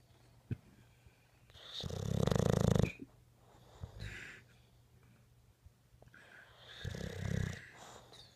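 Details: Sleeping bulldog giving two loud, low, rattling snores separated by quieter breaths in a quiet room; snoring.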